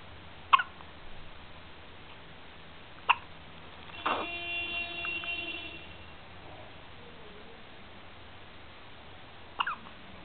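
Three sharp, brief hiccup sounds spaced a few seconds apart in a quiet room, with a short tonal beep midway; infant hiccups.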